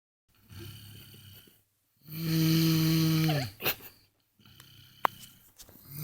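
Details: Little brother asleep, snoring: loud, low, buzzing snore on the in-breath with quieter breaths around it.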